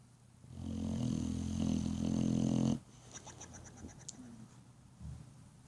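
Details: One long, low, rumbling inhaled snore from a sleeping dog, then quieter breathing and small noises; snoring.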